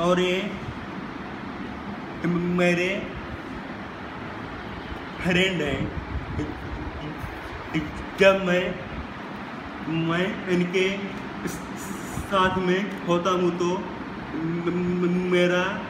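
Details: Young man who stammers; his stammer worsens in front of some people and eases at home and with office colleagues; stuttering.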